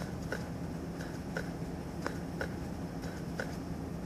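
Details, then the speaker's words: Normal S2 heart sound heard by stethoscope diaphragm at the base in an adult man, from semilunar valve closure; soft paired heart sounds at about 58 a minute over hiss, nursing examination demonstration. "S2 is caused by closure of the semi lunar valves it's loudest at the base where it normally sounds like"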